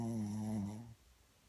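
A single low, buzzing snore that fades out, from a sleeping dog.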